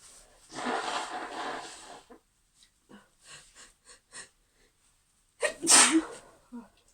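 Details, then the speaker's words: Repeated sneezing in a woman: a long forceful sneeze, several small breathy bursts, then another strong sneeze and a short follow-up; a run of sneezes she cannot stop. "Oh, I got a lot to do today. I really want to not keep sneezing."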